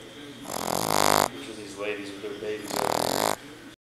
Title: Gus boston terrier loudest snoring